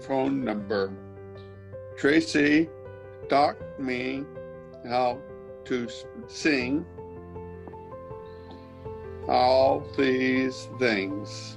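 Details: Severe aphasia in a man after a stroke five years earlier, speaking while using a Lingraphica communication device.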